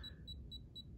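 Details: Apex locator signal while practicing on a tooth mounted in alginate, as the file is slowly screwed in toward working length. Rapid, regular high beeps, about four a second, track the root canal file as it advances.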